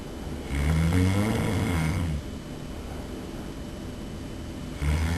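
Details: Loud, low, rattling snores on each breath in, with quieter breathing out between them and steady room noise; an adult snoring heavily during sleep, secretly recorded by his roommate.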